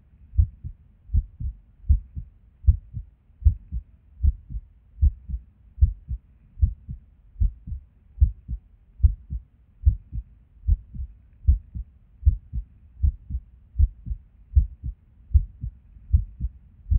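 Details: Irregular resting heartbeat with occasional skipped beats, recorded at Erb's point while sitting at a desk; soft low thumps about 77 a minute with uneven spacing between some beats. The skipping occurs with and without apparent reason.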